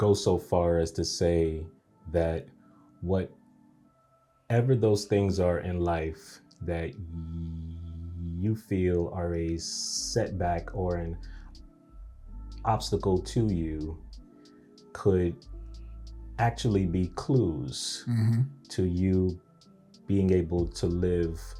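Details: Adult man whose stuttering began after a nightmare at age three; audible word repetitions; stuttering.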